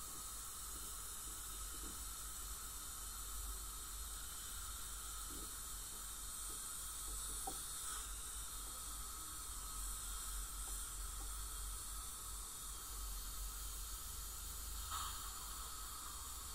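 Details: Professional teeth cleaning by a dental hygienist on a patient with heavy plaque and tartar, possibly scaling with gingival inflammation or full mouth debridement: steady hiss of water spray and suction with faint scraping clicks of ultrasonic dental scaling.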